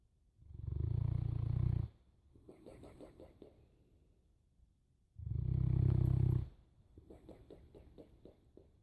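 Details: Boerboel dog snoring: loud, deep, rattling snores on each in-breath, then softer fluttering out-breaths, about two breath cycles in nine seconds; heavy snoring.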